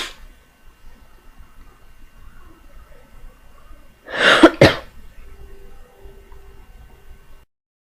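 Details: A single forceful cough with a quick second push in a quiet room, from someone recovering from illness who says they feel better but still can't clear something inside.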